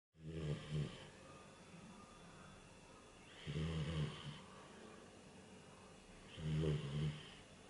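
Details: Sleeping Bernese puppy: three slow, rumbling snores, each on a breath in, about 20 a minute, with quiet breathing between them; ordinary snoring.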